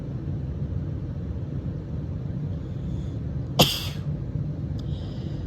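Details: Adult woman with spring allergies and scratchy throat, just woken up: one forceful, harsh allergy sneeze over a steady low rumble, soft sound afterward; single sneeze.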